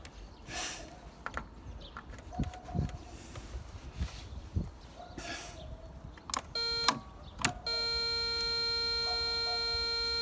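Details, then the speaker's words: Ukrainian DKVKh-300 300 W high-frequency diathermocoagulator under repair, set near 290, cutting mode (yellow) confirmed working: clicks and short beeps, then a sustained electronic tone as cutting mode is activated. "І це вже мав бути різка жовтий є ріже різка працює"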